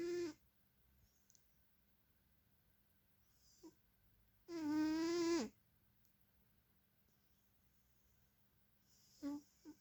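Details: Cat snoring: intermittent squeaky, whistling tones on breaths, one drawn out about a second, in a quiet room: whistling snore.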